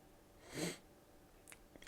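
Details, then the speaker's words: A single abrupt sneeze from an adult in a quiet small room; the speaker suspects hay fever. "i guess i've just i'm just sneezy i think it might be hay fever which i'm not too pleased about"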